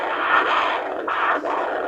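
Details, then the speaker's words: Handheld Doppler over the foot pulse of a foot-care patient: loud, pulsing whooshes of arterial blood flow, a strong, normal arterial signal; foot pressure over 180, indicating hardening of the arteries. "That's the blood flow to your foot. Nice and loud, nice strong heartbeat."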